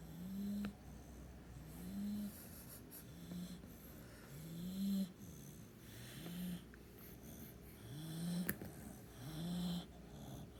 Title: doggie snores 🐕🐕🐕 #dogs #cute